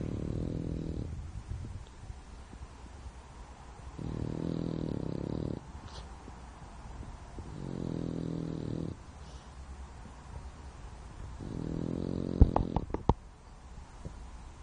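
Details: French bulldog sleeping deeply and snoring: low buzzing snores in slow rhythm, about four in fifteen seconds, with a few clicks near the end.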